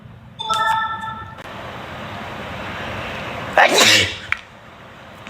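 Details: Man on livestream, possibly allergic, gives a single sharp, explosive sneeze over steady room noise, with a brief tone just before; sneezing.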